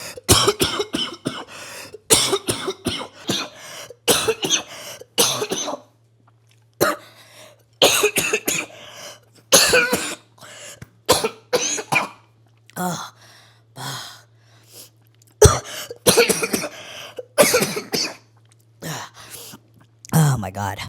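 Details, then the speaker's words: An adult's prolonged fit of harsh, repeated coughs with brief pauses, attributed to trenbolone use: tren cough. "so you get like Trend cough I mentioned I'm going to show you how bad the trend cough actually is"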